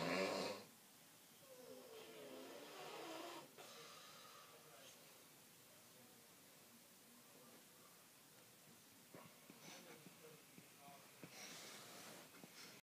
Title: French snoring